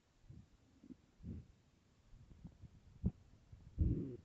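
Low, irregular rumbles and gurgles with a louder growl near the end; stomach growling from an empty stomach, a normal hunger sound.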